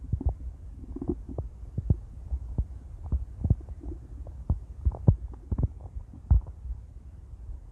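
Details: Intense stomach growling from a woman: low gurgling rumbles and irregular pops of active bowel sounds as gas and fluid move through the gut.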